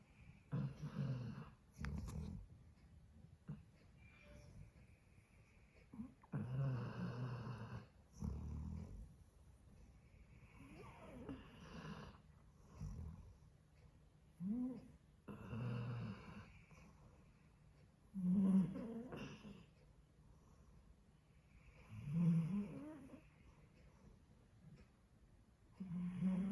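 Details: A large Labrador dog snores in slow, rumbling bursts about 15 times a minute, with quiet gaps between.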